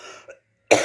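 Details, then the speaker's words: An older woman of pension age has a cough that will not go away; a faint trailing sound and pause, then one abrupt, harsh cough burst that is cut off; persistent chronic cough. "кашли не проходит вообще у меня опять что-то стал кашель мучит меня"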